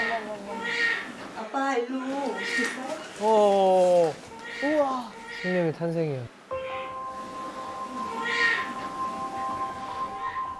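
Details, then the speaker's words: Newborn boy on his day of birth, weighing 3.1 kg, crying loudly: high-pitched wailing in short repeated bursts over room noise and soft music. "彼は本当に大声で泣いています。"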